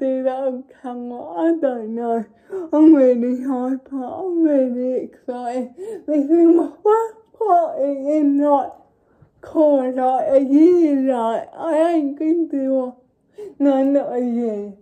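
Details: Young woman with cerebral palsy; dysarthric speech (cerebral palsy).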